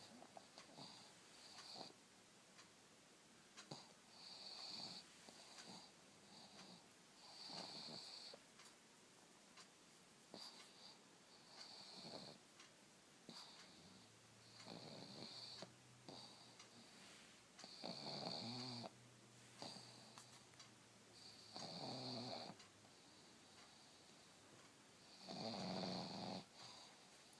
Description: My pug monster having a lazy Sunday, snoring even though he's wide awake.